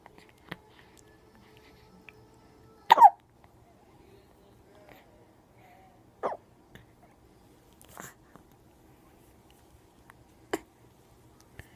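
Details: Several brief, sharp, isolated voiced catches a few seconds apart in a quiet room; hiccups.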